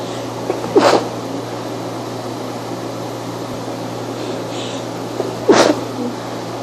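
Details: Mini sneeze attack: two short, sharp sneezes about five seconds apart over steady room hum, likely from a cat; brief sneezing bout.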